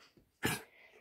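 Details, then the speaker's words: Older dog coughing: a single short, harsh cough burst with quiet room sound around it. "oh he's coughing oh goodness oh my goodness he's coughing he's coughing he's coughing"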